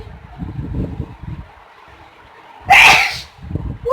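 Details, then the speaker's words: One sudden, forceful spraying sneeze from a mother, induced by chickpea powder, against background talk and room noise; an ordinary sneeze. "Wow, what a spray."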